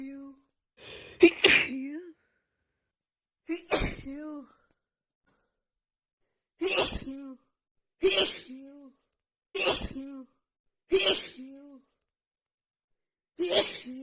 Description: OMGGG i literally just could not stop sneezing. Hayfever just sets my nose of really bad!!! And i cant even blow or touch my nose, every little thing just sends it right into another fit!!!